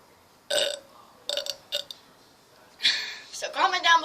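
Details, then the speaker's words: Deliberate belching during a burping challenge after drinking Coca-Cola: several short, croaky burps with quiet gaps, then a longer one blending into voice. "and obviously you will burp because there is carbon dioxide in here so therefore you will burp"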